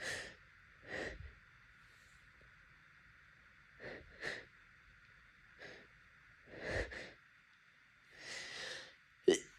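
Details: Several wet, congested sneezes with sniffing and nose blowing between them, from a person with seasonal pollen allergy during heavy pollen season, with a blocked nose and bloodshot, swollen eyes.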